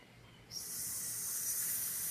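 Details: Demonstration of stuttering, a fluency disorder, showing sound prolongation with one sound held long: stuttering.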